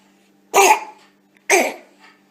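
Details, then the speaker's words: Barking cough (croup) in a child: two harsh, barking coughs, like a dog yapping or a seal. "quinte. Ça, c'est une toux aboyante."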